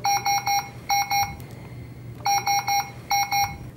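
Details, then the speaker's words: Loud repeating bursts of two to three high-pitched beeps: a Puritan Bennett 560 home ventilator low pressure/disconnect alarm, sounding after three to four breaths delivered into a circuit no longer attached to the client. "after three to four consecutive breaths being delivered through the circuit the ventilator will visibly in audibly alarm suggesting an alarm situation and likely a patient"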